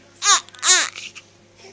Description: Cute newborn with hiccups - 2 and a half weeks old.